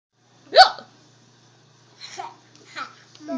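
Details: A young child hiccups: one sharp voiced hiccup followed by quieter vocal sounds.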